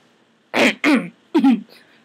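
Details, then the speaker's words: Two quick pairs of throaty, voiced throat-clearing bursts in a quiet room: a simple vocal tic in a person with Tourette's syndrome. "What else? Just any little sorry. Like throat clearing, sniffing, things like that."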